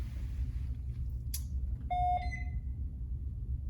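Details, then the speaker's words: A click, then a brief electronic beep as a Medfusion 3500 syringe pump with a 20 cc syringe is powered on running on battery (78%) and starts its self-check, over steady low room hum. "i should have turned this power on before but we're going to boot this up now here"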